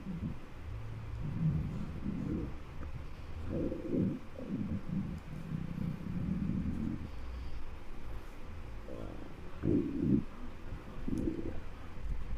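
Low gurgling rumbles and growls from the belly, recorded close up: hunger bowel sounds, a normal sign of an empty, active gut.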